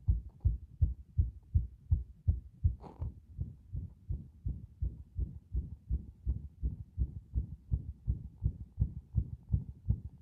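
Rapid, thudding heartbeat with uneven spacing between some beats; an irregular heart rhythm with frequent extra or early beats.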